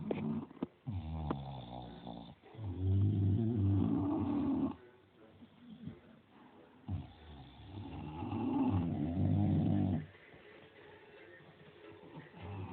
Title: Bulldogs ,staffy snoring in the afternoon